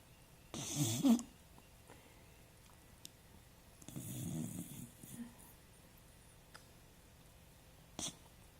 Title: Doggy snoring so funny